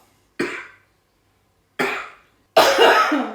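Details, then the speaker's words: Simulated triage patient, a woman acting a three-day dry cough. She reports stabbing chest pain on inhaling, no swallowing problems, and has taken herbal syrups; she suspects air pollution. Three short acted coughs, the last throaty like a throat clear. ">> Не, немам никакви други теби, само досадна кашливца."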